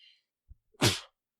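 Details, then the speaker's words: Adult man on a podcast sneezes after saying a sneeze crept up on him: a brief catch of breath then a single sharp, explosive sneeze. "oh the double sneeze ow my my back bones"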